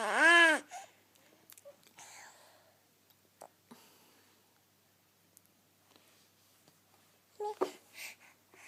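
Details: 5-month-old infant asked to do a fake cough: a rising voiced squeal, then after quiet a brief throaty cough-like burst, a voluntary fake cough.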